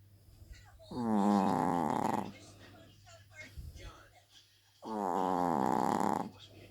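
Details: Loud snoring from a sleeping Chihuahua: two long, buzzing inspiratory snores with a softer breath between them over a low room hum.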